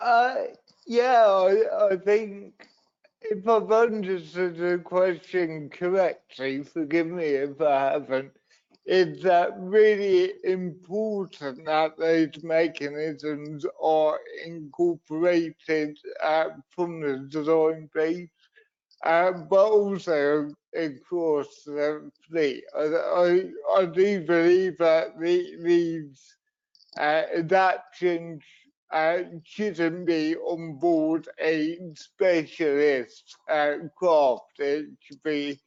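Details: Adult man with cerebral palsy from a brain injury sustained in an accident at birth, which he says affects his voice and leaves him unsteady on his feet; dysarthria.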